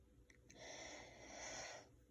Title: Trying to keep sneezes quiet